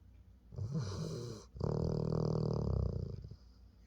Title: Dog Snoring. Honeybee gets relaxed